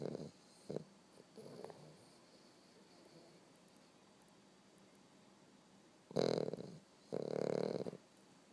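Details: American Bulldog puppy, 13 weeks old, asleep and snoring: a few soft snuffles in a quiet room, then two loud rattling snores.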